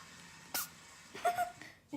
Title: Cute Kitten Sneezing ‘Gizmo'